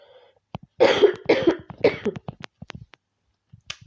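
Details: A quick run of three harsh, dry coughs, then faint throat clicks and breaths; adult on isolation day 6 of COVID-19, slowly getting better but can't stop coughing.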